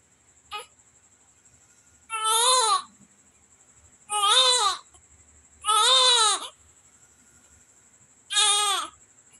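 Four strong crying bursts after a brief first sound, with a steady high electronic whine behind. Vigorous newborn cry after a normal delivery.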